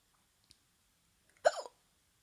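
One abrupt gulping hiccup with a brief voiced catch, in a quiet room.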